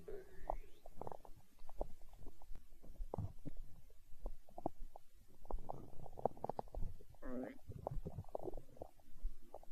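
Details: Stomach growling recorded for ASMR: irregular gurgling and rumbling with squeaky bubbling runs from gas and fluid moving through the gut (borborygmi).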